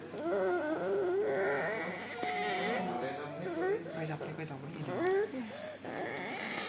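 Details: Child with stridor: high-pitched, wavering, whimper-like breathing tone from a narrowed upper airway.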